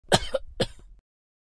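Two short, sharp coughs in quick succession, each a brief explosive burst; a plain adult cough.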